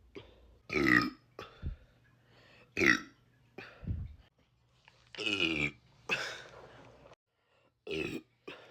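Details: A run of about ten loud, throaty belches with short pauses between them from a girl; repeated burping.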